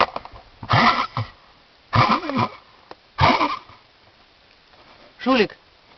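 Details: Dog with cough of unknown cause (owner wonders whether a bone is stuck in the airway or it is pneumonia): several harsh, hacking coughs in a row with a gagging quality.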